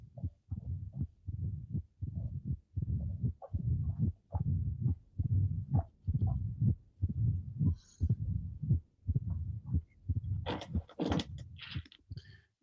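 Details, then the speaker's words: Mitral stenosis after physical exercise: the patient becomes tachycardic, and the fast, low heartbeats carry a rumbling diastolic murmur that grows louder as flow through the mitral valve increases. "so as the the patient becomes tachycardic the output will increase the flow through the mitral valve will increase and if the flow through the metal valve increase then uh you as you can easily appreciate the the murmur will increase"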